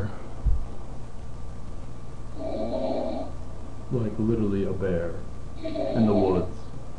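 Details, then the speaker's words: Man who fell asleep mid-sentence during a video chat, in heavy sleep: loud, coarse, rumbling snores on successive breaths over constant background noise, painful-sounding, like a chainsaw; snoring. "woods I don't know if you guys can hear him or not but it's pretty bad oh my God it's painful it's like a chainsaw"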